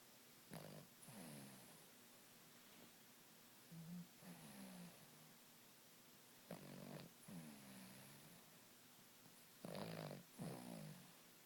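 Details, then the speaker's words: Sleeping dog snoring: soft, low, fluttering snores in pairs, in and out, about four breath cycles, about 20 breaths a minute. "it's official my dog's a storm monster she is she's a stor monster that's the end of our snorm monster story until next time jooy a wild America"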